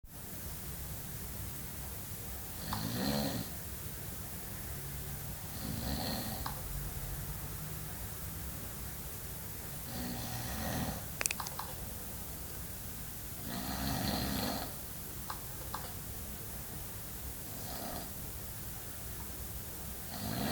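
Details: Snoring from a sleeping man: about six rough snores at a steady rhythm, roughly 17 breaths a minute, over a constant background hiss.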